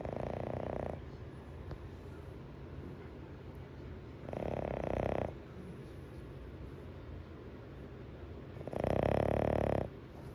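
Loud, rough snores about every four seconds over steady background hiss; ordinary sleep snoring.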